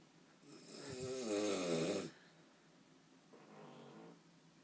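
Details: Adult man (a father) with very loud snoring during sleep, loud enough to wake the dog: a loud, harsh, rattling snore on the in-breath, then a softer second breath.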